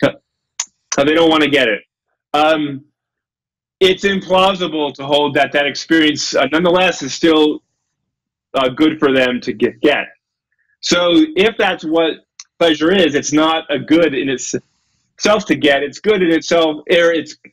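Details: Adult male lecturer with a self-reported stutter, getting stuck on his words; stuttering.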